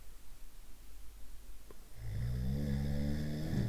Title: NURTON / SOUNDS / schnarchen / snoring